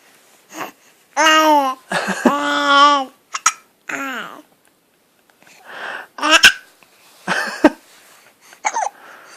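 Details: Infant girl hiccuping while babbling and squealing as if trying to talk; several short, sharp hiccup catches between her vocal sounds.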